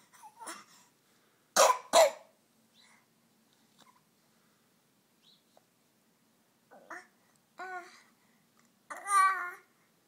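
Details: A baby coughing: a few short, sharp coughs, then soft fussy voicing and brief whimpers in a quiet room.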